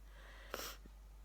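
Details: One short, sharp nasal snort in a quiet room, like a stifled sneeze, from a person who reports daily sneezing fits lasting about five minutes; snorting.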